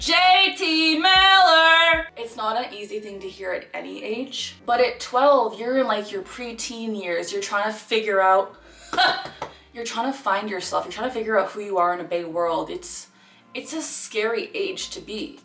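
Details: 26-year-old woman with Tourette syndrome diagnosed at age 12, whose vocal tics interject phrases into her speech. Vocal tics (Tourette syndrome).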